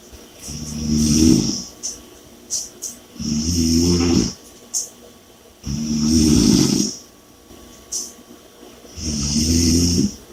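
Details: Heavy snoring with loud rattling snores on each in-breath, about 22 a minute, and quieter out-breaths between them.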